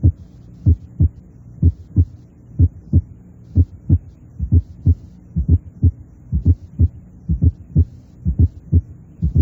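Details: Teaching recording of a summation gallop: at a fast heart rate, atrial contraction overlaps rapid ventricular filling, producing a summation sound that gives a gallop-like auscultatory impression.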